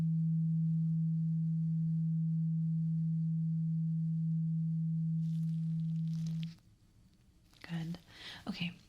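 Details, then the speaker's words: Role-played ASMR ear exam, simulated: a steady low hum of a struck tuning fork fades after several seconds, then soft whispering and rustling, in a hearing test before earwax cleaning with the listener's eyes closed. "So, I am going to get a tuning fork and I need you to close your eyes and I want you to tell me when you hear the tuning fork sound."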